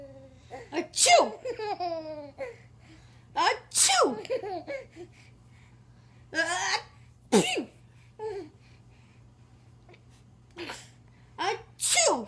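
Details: Several short, sharp sneeze bursts from a dog, each followed by an infant's bright laughter, over a steady low hum; dog sneezing.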